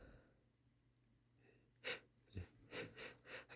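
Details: A sharp, explosive sneeze followed by several wet, rhythmic sniffs with nasal congestion; strong sniffly sneezes from a male.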